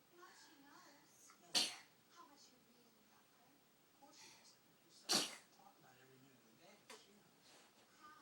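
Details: Two sharp, sudden sneezes a few seconds apart from a crawling baby girl, with soft babbling and rustling between; baby sneezing.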